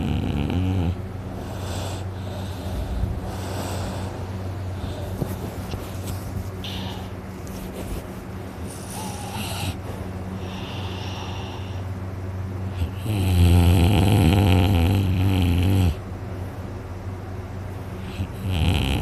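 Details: Person asleep, very tired after a day of hunting, with a very sore throat afterwards: loud, rough, rattling snoring with a low fluttering vibration, rising to a louder burst near the end: heavy snoring.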